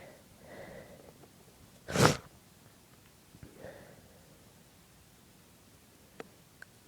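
A quick sharp burst after a brief breath in, muffled and held back, with soft breaths around it; a stifled sneeze.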